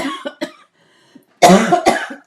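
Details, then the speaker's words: An adult woman with a cough of unknown cause that she says doesn't hurt gives short coughs, then a louder pair of harsh, rough, throaty coughs; cough. "And um also and I have water today cuz I really do I don't know what the cough is."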